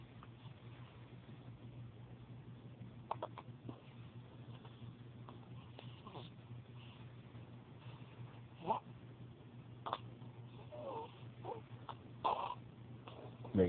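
Several small, sharp hiccup sounds from a pet at irregular intervals, over a steady low room hum.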